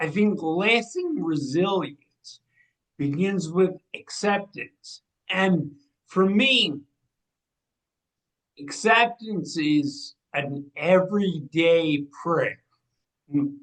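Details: 45-year-old man with cerebral atrophy and ataxia, a degenerative brain disease diagnosed in 2013 or 2014 affecting movement, balance and speech; speech changes began around 2020 as the disease progressed; ataxic dysarthria.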